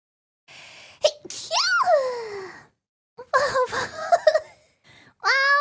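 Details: VTuber sneezing on stream: a sharp high-pitched sneeze with a quick intake before it, followed by a second sneeze and brief voice.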